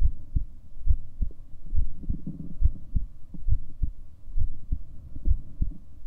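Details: Recording of the person's own heartbeat: low, muffled thumps at about 69 per minute against a faint hum, an ordinary resting heartbeat.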